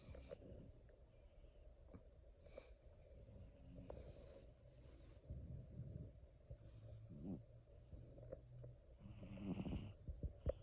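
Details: Soft, low rumbling breaths with faint snorts and brief higher whistling sounds from a sleeping cat, over quiet room noise; gentle snoring.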